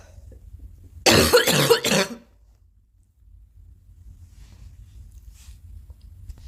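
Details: Cough from a girl: a single burst of about three quick coughs in a quiet room, followed by silence.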